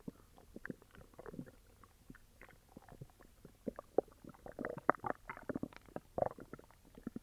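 Soft, irregular gurgles and squelches that grow busier in the second half: active bowel sounds from an upset stomach.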